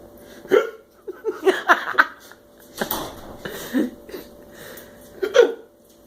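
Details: Adult husband with hiccups: several abrupt voiced hiccups over a few seconds, with laughter and light talk between them.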